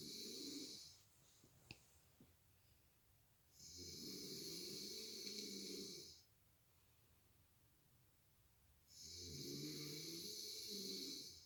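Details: Partner snoring during sleep, waking a light sleeper: slow rhythmic snoring, about 11 breaths a minute, rough rattling on each breath with quiet pauses; ordinary snoring.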